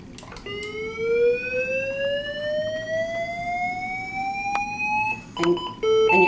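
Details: Training demonstration of a LIFEPAK 12 monitor-defibrillator with paddles: rising electronic whine as it charges for a shock, then ready-alarm tones.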